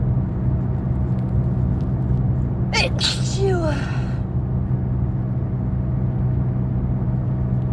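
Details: Sneezing from a cold while driving: one loud, explosive sneeze with a sharp intake and a voiced trailing sound over steady car engine hum.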